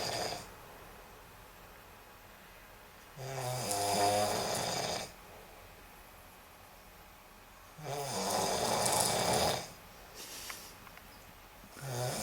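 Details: Snoring during sleep: harsh, rasping snores on each in-breath, about 13 a minute, with quiet pauses between.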